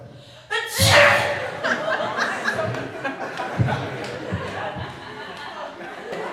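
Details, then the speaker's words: Hypnotised stage volunteer told to sneeze energetically whenever hearing the word pepper: one loud explosive burst of air, then room chatter and laughter; a sneeze. "anytime you hear somebody say the word pepper you will sneeze and you'll sneeze very energetically"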